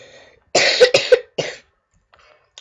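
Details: Short run of three harsh coughs, two close together then one more, from a gamer recording a Portal playthrough, followed by quiet; cough.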